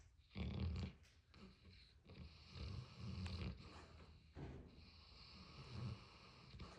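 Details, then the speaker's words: Loud, rough, snorting snores repeating irregularly over background room noise from a sleeping male; snoring with a snorting quality. "I see you, honey. He's snoring."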